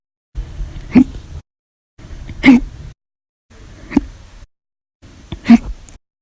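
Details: Four short, sharp, abrupt vocal jerks, each in its own snippet: loud hiccups.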